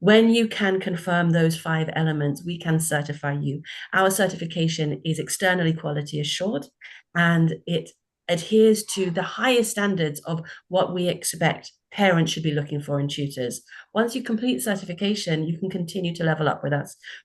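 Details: Adult woman speaking; normal voice.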